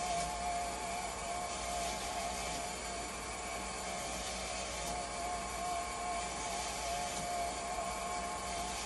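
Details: Haemodialysis machine being tested after a pressure transducer was swapped to fix high and low conductivity alarms and a low flow error: a steady mechanical hum and hiss with a faint repeating tone as the machine runs.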